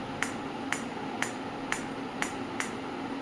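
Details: Faint regular clicking pulses, about two per second, over steady room hum from a Biotronix PEMT loop applicator delivering pulsed electromagnetic field therapy, at intensity level 2–5 with frequency 2 Hz; sound rises as magnetic field intensity is increased.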